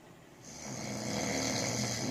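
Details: A single long breath carrying a loud, rough, rattling snore that builds over about two seconds; ordinary snoring.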